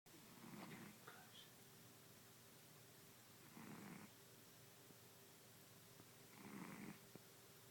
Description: My beautiful fat Topsy snoring